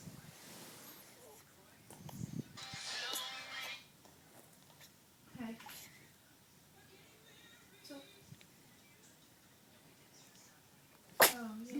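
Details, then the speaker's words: Single sudden sharp sneeze from a one-day-old baby boy, with a brief voiced tail, amid soft adult murmuring in a quiet room. "yeah. Oh. Yeah. Yeah, bless you."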